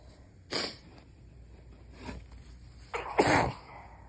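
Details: Nighttime sneezes held back to avoid waking a sleeping partner: muffled, held-back sneezes with short breathy bursts, then a louder sneeze that escapes; stifled and failed-stifle sneezing.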